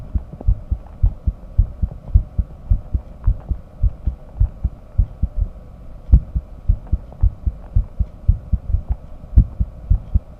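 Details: Self-recorded auscultation with simultaneous ECG: low heart thumps at about 107 bpm with uneven spacing from extrasystoles, triggered deliberately by the person recording.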